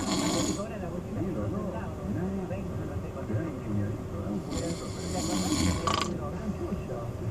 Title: Ronquidos De Gente